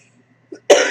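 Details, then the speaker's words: A short breath in, then one abrupt loud cough burst from an adult who has been coughing repeatedly while talking; cough. "yes I'm still coughing people do I look worried I refuse to be worried okay so pressing on yes you will still see me coughs but just the word cost gets me coughing okay pressing on"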